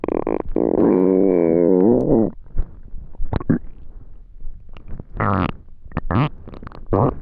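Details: Extremely hungry stomach: a long, loud gurgling growl that wavers in pitch, then scattered short squeaks and gurgles; hunger-related stomach growling (borborygmi).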